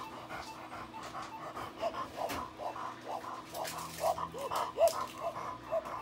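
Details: Rapid, harsh, raspy panting breaths with noisy inspiratory stridor from a female Labrador dog with laryngeal paralysis.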